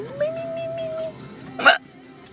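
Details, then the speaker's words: Adult woman with hiccups, saying she can't stop them: a held vocal tone, then a single sharp, abrupt hic-like burst; hiccup. "I can't stop my hiccups. Oh my goodness. Oh my goodness."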